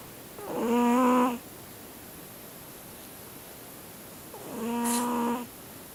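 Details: Siamese cat snoring in sleep like an old man: two loud, droning, tonal breaths about four seconds apart over steady room hiss; snoring.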